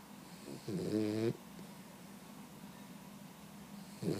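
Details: 16-week-old Boxer puppy napping in the afternoon, snoring and dreaming; one brief, vibrating, slightly whistling snore, then quiet breathing and the start of another: snoring.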